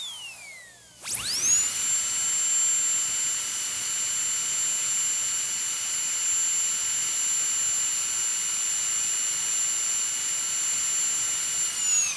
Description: One Of The Worst Annoying Sounds in The Word. The Dentist Drill.